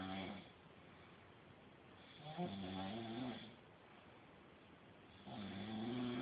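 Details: Loud, rough snores on each breath, about 20 a minute, with quiet pauses between; ordinary snoring.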